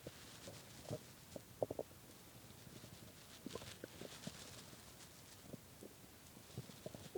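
Quiet gurgles and squeaks with a rising-falling growl at the end; stomach growling from hunger.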